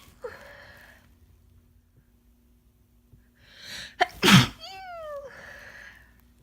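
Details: A person with a cold: a quick breath in, then one loud, wet sneeze with a brief voiced tail and a sniffle afterward.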